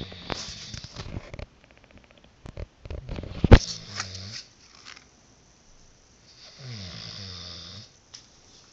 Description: I love to snore!